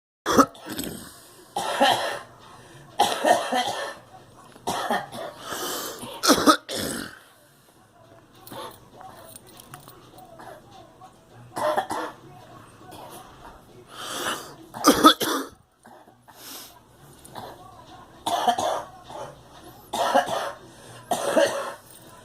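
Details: Girl coughing: about ten harsh bursts, some in quick pairs, with quiet pauses between.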